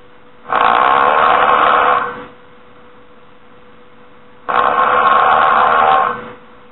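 Two long, harsh, noisy breaths about four seconds apart over a steady hum, muffled phone-like sound; snoring.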